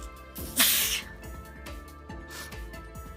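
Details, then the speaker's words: A single sharp, breathy sneeze with soft music in the background, from someone who says they still sneeze every day. "i am still sneezing every day it's just that uh i don't have time to record them because i'm so busy with other things especially the pups"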